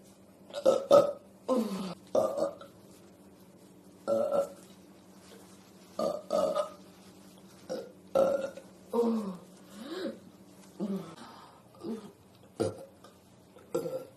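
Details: About a dozen short, croaky belches in a row, some voiced and falling in pitch, after eating ribs with milk and then drinking soda for stomach pain; burps so frequent that breathing is hard, with later nausea.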